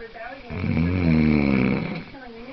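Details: Adult man (boyfriend) snoring loudly: one long, low, rattling snore on an inward breath, with quiet breathing before and after; ordinary snoring.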